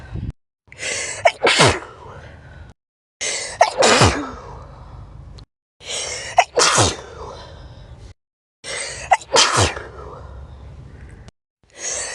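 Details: Person sneezing, part of 20 sneezes recorded over different days: four full sneezes in about twelve seconds, each a sharp in-breath then an explosive burst with trailing exhale.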